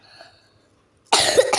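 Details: A person coughs while playing with dolls: a quiet pause, then one loud, harsh cough burst.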